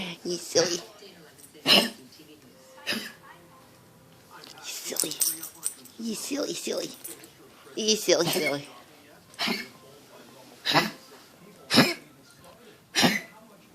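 Repeated short, sharp coughs from an adult, broken by a stretch of voiced sounds or murmured speech.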